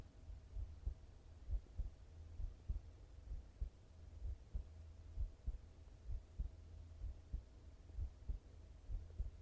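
Soft, steady low thumps of a heartbeat at about 65 beats a minute over a faint hum; regular rhythm.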